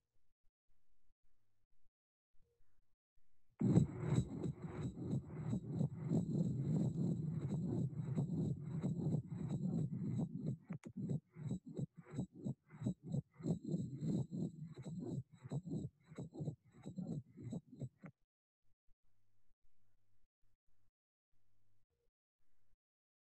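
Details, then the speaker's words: Tricuspid regurgitation murmur, loudest at the lower left sternal border and louder with inspiration (Carvalho sign): heart sounds with a continuous blowing murmur filling systole. "It increases in intensity with inspiration. This is the Carvalho sign. It is accompanied by visible CV waves in the jugular venous waveform and, on occasion, by pulsatile hepatomegaly."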